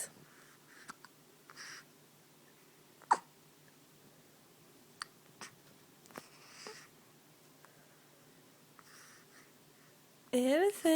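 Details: Baby with hiccups: several sharp, brief hiccup sounds at irregular intervals in a quiet room, then a caregiver's voice asking about the hiccups.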